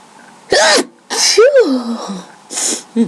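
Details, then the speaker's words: Random sneezing fit from a tickling nose, no allergies at the time (winter): three forceful sneezes in a row, each a sharp voiced burst after a quick inward breath; powerful enough to cause dizziness. "I felt this random sneezing fit coming along, so I decided to record it. My nose just tickles a lot, so so I'm sneezing."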